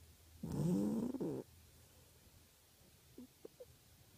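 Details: A cat sleeping in the afternoon, snoring: one loud, rattling, voiced snore lasting about a second, then faint small sounds.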